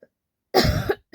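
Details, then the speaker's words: A single loud, harsh real cough under half a second in a quiet room; woman with a winter cold and scratchy throat, voice weakened, taking cough syrup. "क्योंकि अभी मतलब खाते खाते मेरा एकदम से गला ही उधर उधर हो गया खासी सही में हो रहा हो रहा है"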